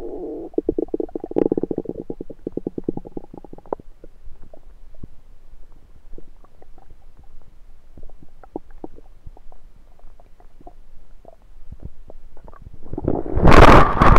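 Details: Rumbling stomach recorded over the abdomen with a USB stethoscope: gurgling with rapid bubbling clicks, then scattered pops and a loud rustle at the end; active bowel sounds.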